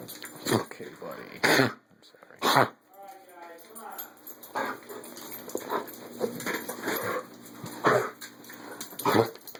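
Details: Black Labrador dog with kennel cough at its worst, already seen by a vet and on antibiotics: repeated harsh, dry hacking coughs in short bursts.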